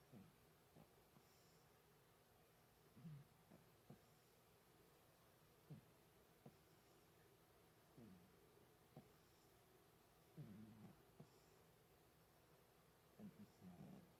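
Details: Sleeping chihuahua, snoring or sleep-talking (unclear): faint, soft snorts and brief low whimpering sounds over quiet room noise.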